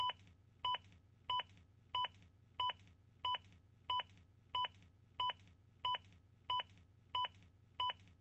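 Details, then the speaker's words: Demo of a ZOLL AED Plus Real CPR Help: steady electronic metronome beeps about 92 a minute, pacing chest compressions to speed up a rescuer who is not pushing fast enough. "Continue CPR. Not pushing fast enough? The beeps will speed you"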